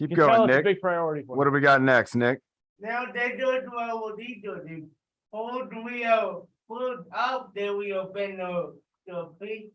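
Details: Adult with cerebral palsy speaking during a live group workout session, told to talk loudly; dysarthria (cerebral palsy).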